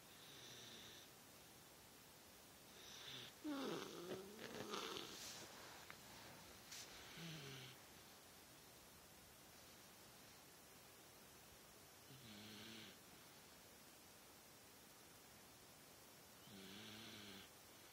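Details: Slow snoring breaths with a fluttering buzz, a louder rustling stretch early on, then quiet regular snores; ordinary snoring during sleep.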